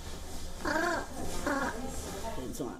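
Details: 7-year-old boy with tetraplegic cerebral palsy affecting arms and legs; mouth permanently paralyzed open, cannot form words properly or swallow, has had a tracheotomy, communicates through sounds his family understand; nonverbal vocalization in cerebral palsy.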